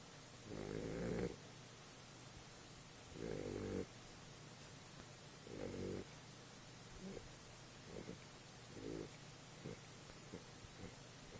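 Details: Snoring while dreaming: rhythmic snoring breaths, some long and some short and clipped, about 26 a minute, over a steady background hiss.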